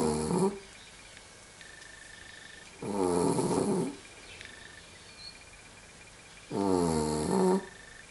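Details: Sound asleep snoring: three long, rough, rumbling snores in about 8 seconds, with quiet pauses between them and a faint background tone.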